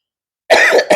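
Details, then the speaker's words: Adult man, hoarse and sore-throated after three to four days of fever and now about five days ill, gives a short, harsh cough, then a second cough begins as it ends. "so minta maaf suara saya sakit 3 hari empat hari sudah demam"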